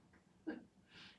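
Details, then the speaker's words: A single brief, painless knee pop as the instructor moves through Warrior Two and side-angle poses in a gentle yoga class, in a quiet room: knee crepitus. "We'll move through it 2 more times. Can you hear my knee popping?"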